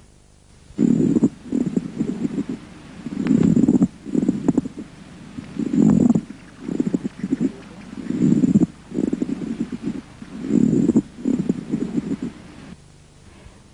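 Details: Pleural friction rub, played as a teaching example during a respiratory physical examination lecture.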